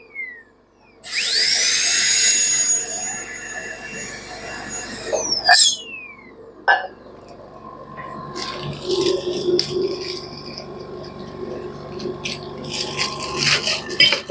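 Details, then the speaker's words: High-pitched whine of a dental air rotor handpiece on a portable dental unit with inbuilt scaler, spinning up, running steadily, then winding down, followed by hissing water spray and room noise. "you can also use the AER at this point so here is a light Co scaler 3 section and two air rotor points"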